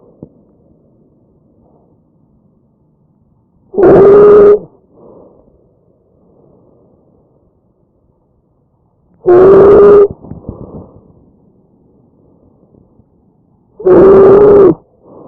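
Loud, harsh, high-pitched musical breath sounds recur about every five seconds over the trachea, typical of stridor.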